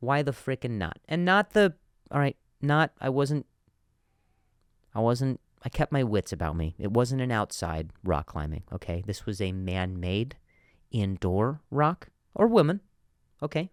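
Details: Adult male comedian who stutters, with word repetitions: stuttering.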